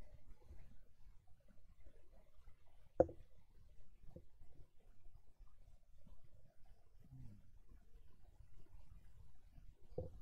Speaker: my stomach just growled did y'all hear that I know I heard it I didn't I bet that microphone picked it up didn't it